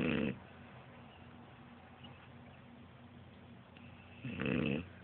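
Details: Sleeping French Bulldog (Frenchie) napping: two loud, rough, snorting snores separated by a quiet stretch; snoring.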